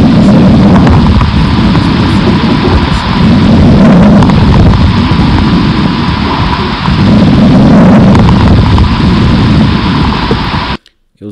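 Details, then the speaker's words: Dense, fine crackling throughout breathing, like rain on a surface, heard with the stethoscope diaphragm; fine crackles from alveolar disease, such as pneumonia, that do not clear with coughing. "Nós temos também os estertores ou crepitações, lembrar de não falar estertor crepitante, sim apenas ou crepitações ou estertores, finos e grossos, né? Os finos, temos como na pneumonia, por exemplo."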